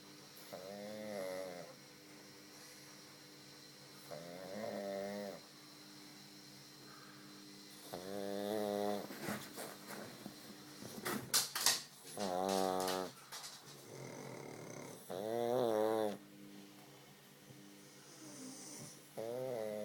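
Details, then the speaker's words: Pug snoring while asleep: repeated rattling, whistling snores with each breath, about 16 a minute, in a small flat-faced dog. "Winnie. Stop snoring. Stop snoring. Baby. Go to sleep."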